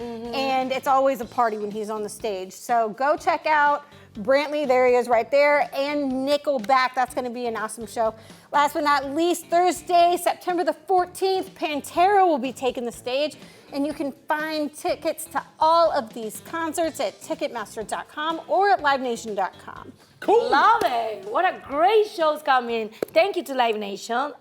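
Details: Adult female presenter; normal speech.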